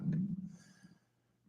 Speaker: There's my stomach again.